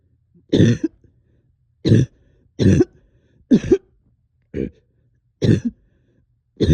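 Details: Seven deep, loose, rattly coughs during a night of coughing with sticky phlegm, heavy chest and headache; productive wet cough.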